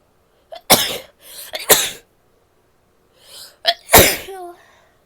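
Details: Female sneezing: three sharp sneezes, each preceded by a quick in-breath, with a short sniff between; recording also contains coughing and nose blowing near the end.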